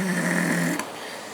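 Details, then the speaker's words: Sleeping dog snoring in the background of a talking video: a steady, low droning snore lasting most of the second, then cutting off with a brief soft sound, leaving quiet room noise. "Then I started putting, you know, he snores through all my videos. You do know this, right?"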